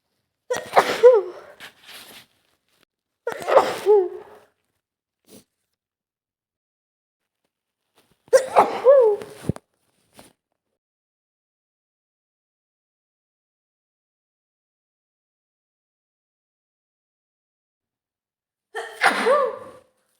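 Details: Woman sneezing repeatedly during the day with watery eyes and itchy nose, possible cold: four sharp voiced sneezes with quick release, spaced several seconds apart in a quiet room.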